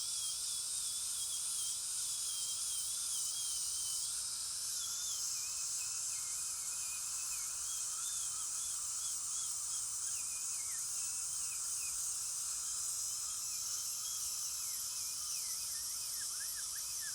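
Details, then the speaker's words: Orthodontic aligner attachment removal: high-speed dental handpiece with 16-fluted carbide burr polishing enamel after composite removal to remove scratches and restore shine; steady high-pitched whine. "Then we like to go back with a 16 fluted carbide burr to make sure you don't have any scratches on the enamel. And this will restore the luster of the enamel and get it back to its original shine."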